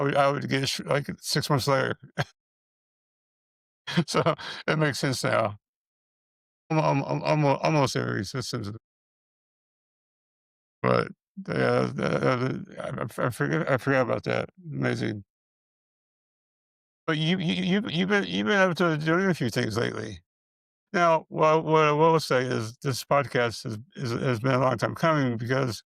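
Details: Man with multiple system atrophy, parkinsonian type (MSA-P), who reports his speech has more of a stutter and tremor, more noticeable after the first two minutes; dysarthria with disfluency.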